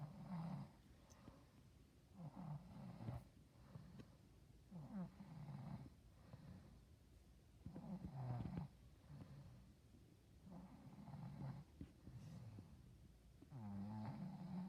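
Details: Mother asleep at 5:50 pm, real recording, with repeated low rattling snores on each breath and quiet gaps between; ordinary snoring.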